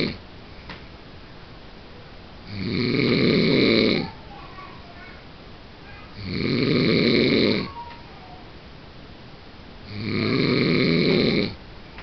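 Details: Three long, loud, rattling snores, one per breath, about 16 a minute, with quiet breathing between, from a sleeping adult man who says he does not snore: snoring.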